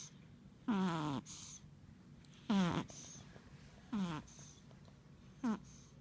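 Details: Four squeaky snores falling in pitch within six seconds, each followed by a soft breath out; whistling snoring.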